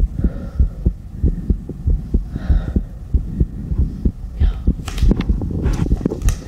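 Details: Heartbeat after exercise, recorded as ASMR with a stethoscope: quick regular heartbeat near 95 beats a minute, with soft whispering and rustling over it.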